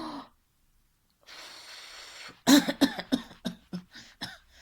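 Breath held, then a series of about eight short, dry exhaled cough bursts without a wet, rattly sound; no mucus heard.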